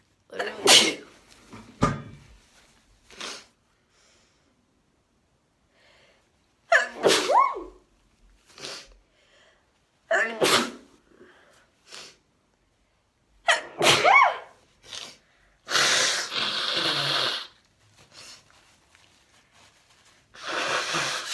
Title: Allergy sneezes and nose blows